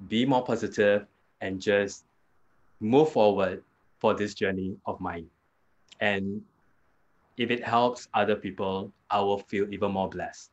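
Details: Adult man with aphasia after a hemorrhagic stroke 2 years earlier; severe at onset, unable to talk in the first week of hospital stay, improved with therapy; still has trouble completing sentences and gets stuck on basic words.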